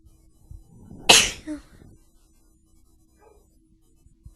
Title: A Couple Sneezes with Buildups